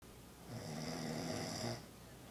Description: This guy should be in the Guinness book of world records for snoring and too damn comfortable at somebody else house!!!